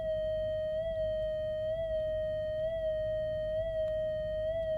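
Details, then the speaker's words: Hideko ES100V3 Doppler PPG probe on the toe fat pad, patient supine: a steady electronic tone with regular pitch swells about 65 a minute, tracking toe pulsatile blood flow before cuff inflation for toe pressure and TBI measurement. "Turn on the device and ensure that the volume is audible. Wait 5 seconds for a consistent waveform."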